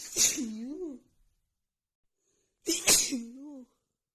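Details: Morning sneezing attack from seasonal allergies flaring a few days before spring: two forceful sneezes in quick succession, each a sharp hissing burst ending in a voiced cry.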